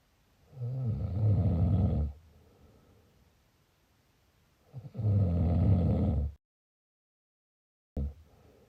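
Two loud, low rumbling snores on breaths in, with a quiet pause between, about 15 a minute; typical heavy snoring.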